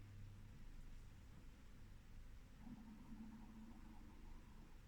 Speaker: And that was my tummy rumbling, if you could hear that. Clearly and evidently I haven't had my breakfast, and my tummy is just busy reminding me of that fact, and I shall have to see to it after this.